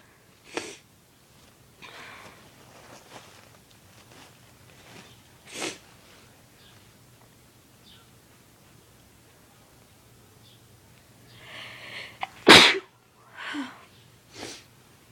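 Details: Induced sneezing: sniffs and snorts build up to one sharp, forceful sneeze with a couple of smaller bursts; an ordinary sneeze.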